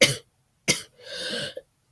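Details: Cough from a person who is currently very sick.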